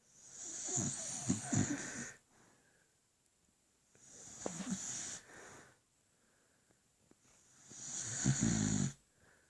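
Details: Sleeping beagle snoring: three long, rattling snores on the in-breath, separated by quiet out-breaths, about 19 breaths a minute.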